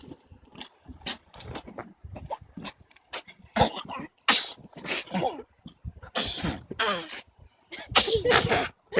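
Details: Photic sneeze reflex in a family, three of four members sneezing when told to look toward their father: a series of sharp sneezes from several people, with voices and music behind.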